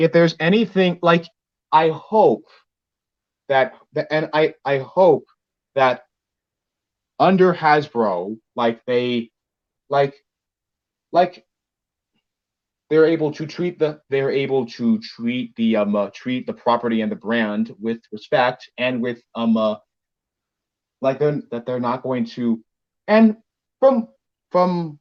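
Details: Male speaker with a self-described speech impediment; speech disfluency with word and phrase repetitions.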